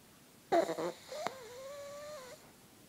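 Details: Sleeping purebred pug: a short snorting snore, then a long thin whistling breath; noisy breathing through a narrowed airway; snoring.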